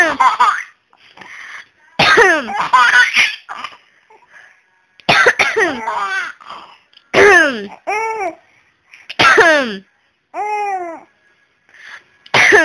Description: This baby is 4 months old, the baby was laughing when she coughs, saw her mother repeatedly coughing baby laugh out loud.